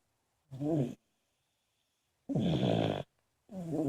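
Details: Several sleeping people (uncle and nephew among them) snoring: short, rough, vibrating breaths separated by silent gaps.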